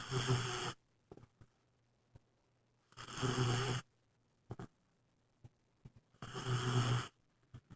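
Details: Snoring from Samson, a newly adopted pet dog: three loud, rough inhaled snores about three seconds apart, roughly 20 breaths a minute, with faint clicks between.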